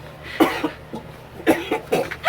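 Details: Adult acts out about three short, dry cough bursts to demonstrate proper cough etiquette; cough.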